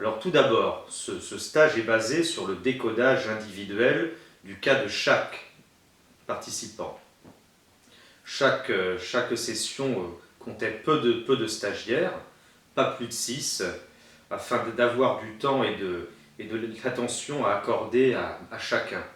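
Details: Stuttering in a French-speaking man who attended a stuttering therapy course in Dijon in 2005, about fifteen years earlier, and still uses some of its techniques; stuttering.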